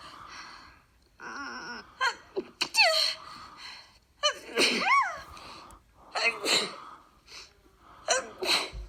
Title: Sneezing vids